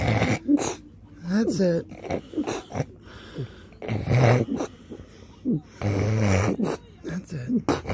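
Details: Man during a severe, terrifying seizure, afterwards okay but very sore: loud, irregular snorting and gurgling breaths with groaning sounds; noisy snoring-like breathing during a seizure.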